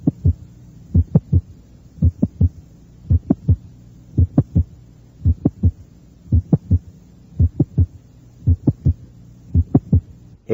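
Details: Mid-systolic click recorded at the mesocardium on a teaching tape: slow regular heartbeat, about 56/min, normal first and second heart sounds with a sharp extra click between them, introduced after normal sounds heard first.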